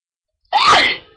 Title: I'm gonna sneeze (eww my voice)